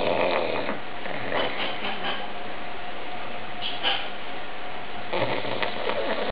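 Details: Old pug sleeping: rough, rattling snoring and snorting breaths, typical of noisy airflow through a narrowed upper airway in a flat-faced dog.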